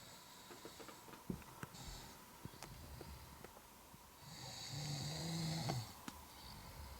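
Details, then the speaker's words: Sleeping girl gives one long, rumbling, vibrating breath against quiet room noise with faint clicks: snoring. "Okay, so I know this girl is snoring, sleeping. As you can hear."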